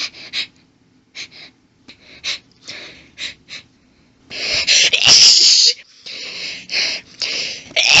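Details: A woman has a sneezing fit while reading aloud: quick hitching breaths build into several loud, forceful sneezes in a row. She says the sneezes grew intense and violent, though her voice records louder than the sneezes.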